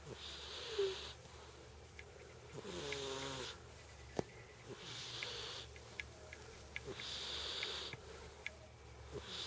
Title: Snoring cat